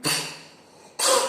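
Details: Pet cat brought to a veterinarian for coughing: two short, harsh, airy bursts with a faint pause between them, fitting cat coughing.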